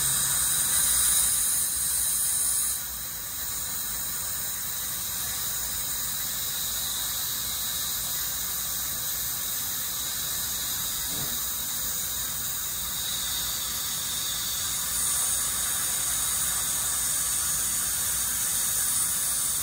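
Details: Dental hygienist's routine teeth cleaning of a dentist, ASMR recording: steady high-pitched whine with hissing water spray from a dental scaler.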